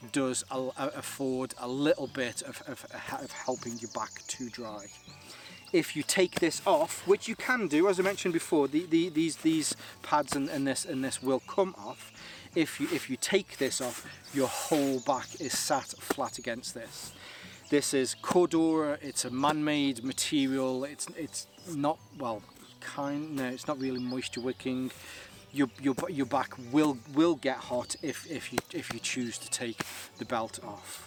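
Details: Adult male with a stammer he links to his anxiety, lingering but improving, helped by propranolol; stuttering.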